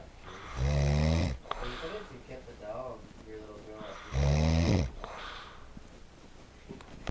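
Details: Man snoring loudly while asleep in a top bunk: two deep, loud snores about three and a half seconds apart, roughly 17 a minute, with quieter breathing between.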